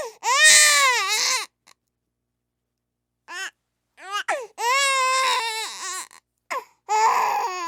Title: Sound of Crying Baby